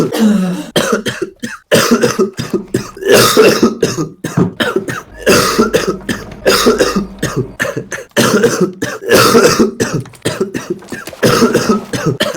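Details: Adult man coughing all evening, says coughing feels so bad his eyes pop out: continuous forceful harsh coughs in repeated bursts with short breaths between; persistent coughing fit.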